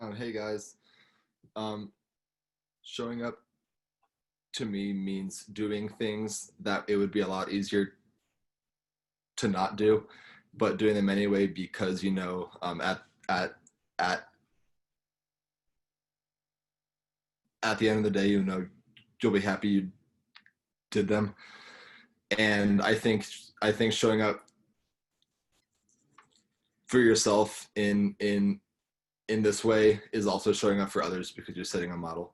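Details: Young person who stutters, speaking at a convention for young people who stutter, with word repetitions; stuttering.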